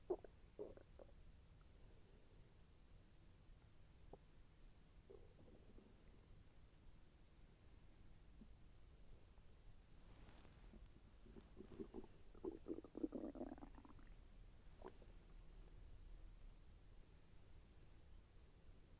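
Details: Soft gurgling and bubbling rumbles coming and going over quiet background during digestion; the person felt the intestine move with slight pain. Bowel sounds (borborygmi).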